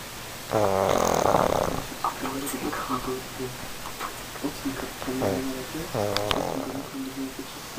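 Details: Pug dog snoring: loud, rattling, buzzy snorts from a small flat-faced dog, with softer nasal wheezy sounds between them.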